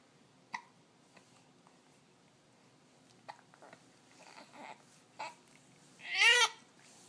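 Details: 4-week-old baby with hiccups: several brief, soft hiccup clicks at irregular gaps, then a short infant vocal sound, quiet room.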